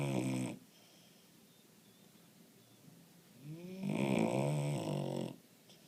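Low, vibrating, rattling breath sounds with a pause between them, a sleeping puppy snoring.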